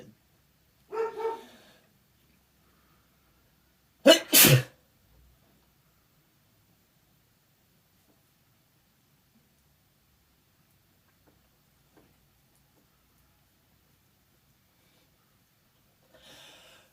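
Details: Person allergic to their cat, with watering eyes: two sharp, explosive sneezes a few seconds apart; allergic sneezing.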